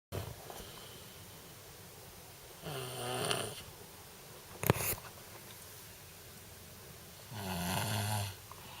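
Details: Sleeper snoring: two slow, rattling snores on the in-breath, several seconds apart, over quiet room noise.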